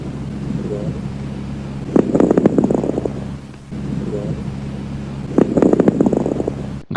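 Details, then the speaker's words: Two breaths with bursts of brief, discontinuous popping crackles (rales), best heard on inspiration at the lung bases over the lower lobes; an abnormal sound in respiratory disease. "entre los más comunes tenemos estertores sonidos crepitantes breves y discontinuos se escucha en mejora en inspiración se localizan en la base de los pulmones entre sus lóbulos inferiores"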